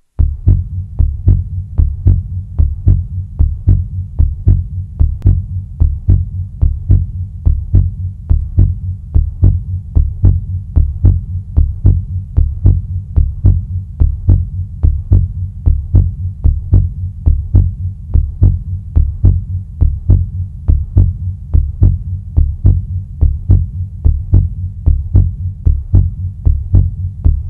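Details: Steady, deep lub-dub heartbeat at about 74 beats a minute, a heartbeat sound-effect recording.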